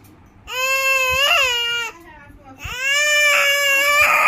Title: shouting child | crying infant | loud voice